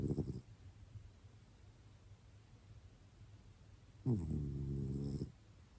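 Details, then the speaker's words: Grunting snores from a domestic cat fast asleep. "If you can hear a grunting, that's my cat. He's snoring. He's fast asleep."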